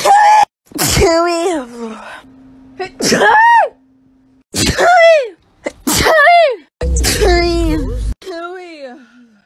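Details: Compilation of several loud voiced sneezes in quick succession, each a sharp burst with a rising then falling vocal sound; a steady hum in one gap.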